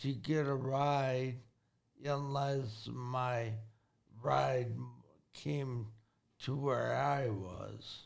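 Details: Acquired speech impairment in a 40-year-old man with severe traumatic brain injury from a car accident at 19, about 21 years earlier. The injury affected his thinking, processing time and speaking speed. He relearned to talk and has had speech therapy.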